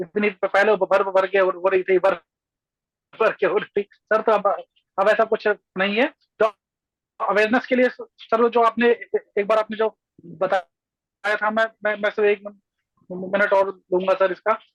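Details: Adult male speaker; stuttering.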